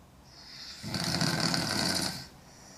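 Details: Girl snoring in sleep: one loud, harsh rattling snore on the breath in, lasting over a second, with a hissing breath sound around it; heavy snoring.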